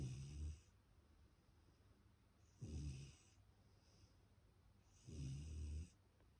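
Three slow, low rumbling snores with airy hiss, about 23 a minute, from a sleeping puppy.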